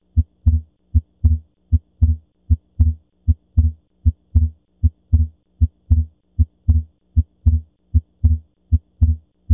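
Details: Heart sounds from a cardiovascular semiology teaching audio: first and second heart sounds with physiological splitting of the second heart sound.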